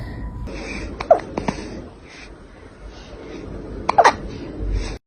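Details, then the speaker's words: Kitten hiccuping: a few small, sudden catching sounds in quick succession, with faint background music. "hello have you got hiccups [Music] do you have the hiccups oh baby"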